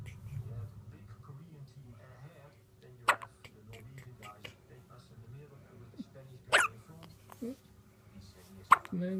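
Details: Three sharp, abrupt hiccups spaced a few seconds apart from an 8-day-old newborn in a quiet room; newborn hiccups.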